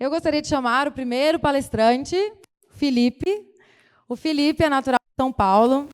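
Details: Adult woman, event host; Normal speech.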